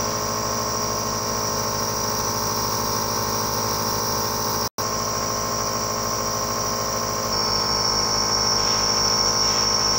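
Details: Surrmed heavy-duty nebulizer compressor, brand new, running: steady buzzing motor hum with a fast rattling pulse and a brief dropout.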